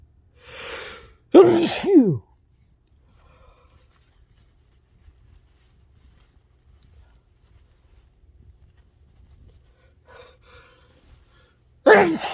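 A soft inhalation followed by a sharp, forceful sneeze, a long quiet stretch, then another sneeze starting at the end; induced sneezes.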